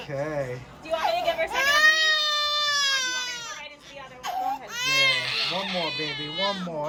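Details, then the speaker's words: Eight-month-old baby girl having her ears pierced: loud, high-pitched, strained wailing cries with gasping breaths between, and adult comforting voices in the background; acute pain cry. "so hopefully she doesn't cry too bad"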